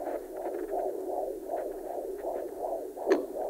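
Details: Handheld fetal Doppler on the abdomen at 24 weeks of pregnancy: rapid, regular whooshing galloping beats at about 140 per minute, clearly faster than the maternal pulse; normal fetal heart sounds.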